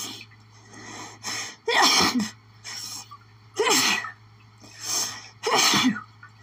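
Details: An adult has a sneezing fit after sniffing lilies: a rapid run of loud sneezes, each with a sharp inhaled lead-in.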